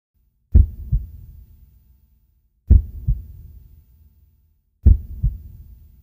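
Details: Slow, deep lub-dub heartbeats at about 28 a minute from a horse, stethoscope placed just behind the front left leg; normal resting equine heart sounds.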